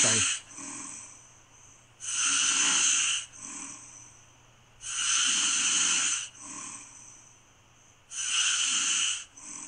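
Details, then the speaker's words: Adult's own sleep snoring played back from a snore-monitoring app with a snore score of about 200: regular loud, hissing, rasping breaths with softer breaths between, about every three seconds; sleep apnea is raised as a concern. "what this does it modders your snoring and you can tell you if you need to go see something and you know get yourself checked out I mean I've done one Steve as my meat let me play you a little bit of my snoring oh yeah"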